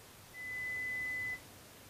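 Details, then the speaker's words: Pure-tone audiometry stimulus in an adult hearing test via insert earphones or headphones, air conduction, level decreased in 10 dB steps until no response; a single steady one-second beep in a quiet room. "The level is then decreased in intensity by increments of 10 decibels making sure the tones are not presented in a predictable rhythm or pattern until the client no longer responds"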